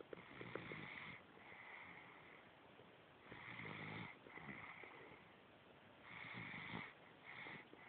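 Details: Snoring in a sleeping baby: soft, regular snoring breaths about 20 per minute with a slight whistling hiss.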